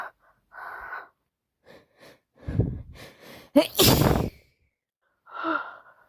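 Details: Sneezing with a bad cold: a sharp gasping intake, then one forceful sneeze and some nasal sounds.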